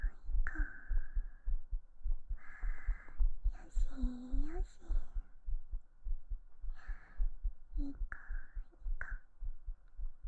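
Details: Normal heart sounds recorded with a binaural 3Dio microphone during a hugging ASMR stream, with a pulse described as slightly fast: steady, soft thumps at about 100 a minute, with gentle whispering over the top.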